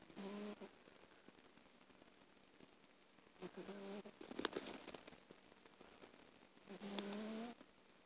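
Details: Soft, slightly whistling snores from a sleeping pet, recorded with a light on, repeating regularly about every three seconds in a quiet room; snoring.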